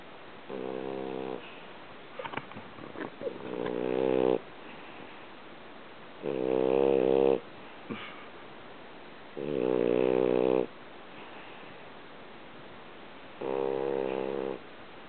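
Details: Lazy French Bulldog sleeping deeply, not responding to his name, with loud, rattling snore bursts every few seconds and quiet breathing between; snoring.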